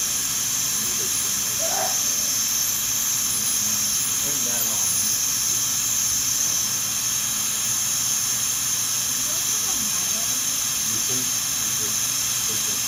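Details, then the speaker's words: Continuous high-pitched whine and hiss of a high-speed dental drill with faint background voices, during rough reduction of teeth #7 and #8 for porcelain veneers with lingual chamfer margins. "So at first I'm just going to kind of rough them in, and then I'm going to start checking frequently with our reduction guide."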